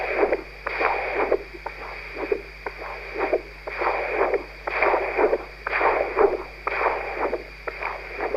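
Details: Human heart auscultated with a new Doppler stethoscope: rhythmic whooshing flow pulses about 60 a minute; Doppler heart sounds.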